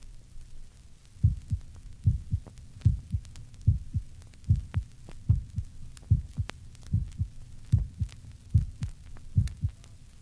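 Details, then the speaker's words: Normal subject with a thick chest wall: regular heartbeat near 73/min with a soft, muffled first heart sound. "severe myocardial disease limits the force of ventricular contraction and also valve closure thereby producing a soft first heart sound the following illustration is from a normal subject with a thick chest wall"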